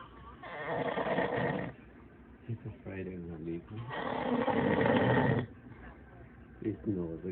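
Two long, rough, rattling breaths with quieter noisy exhalations between them; snoring.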